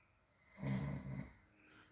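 A single low, rattling snore on the breath in, rising and fading over about a second in a quiet room.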